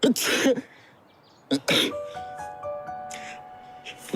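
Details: Acted sneezes from a TV drama, by characters sneezing from cat allergy or illness: two sharp sneeze bursts, each with a quick intake first, over background music.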